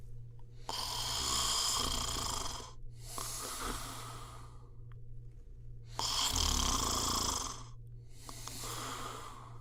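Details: Snoring: loud, harsh, rattling snores on each breath, four in about ten seconds, with quiet pauses and a steady low hum behind.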